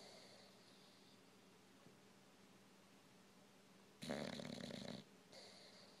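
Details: Old English Bulldog, snoring louder with age, asleep: quiet breathing, then one loud rattling snort-like snore and a softer breath after.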